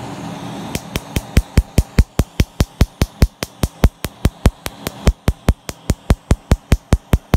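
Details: Rapid, regular sharp snapping clicks, about 97 per minute, from a PiQo4 pulsed laser firing during tattoo removal.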